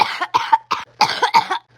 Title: Me coughing for 3 mins straight